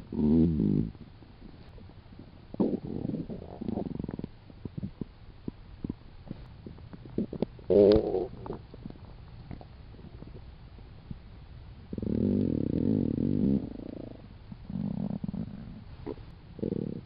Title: stomach growls 2